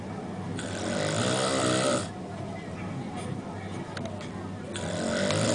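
Loud rattling breaths in and out, with a quieter pause between, over room noise: snoring.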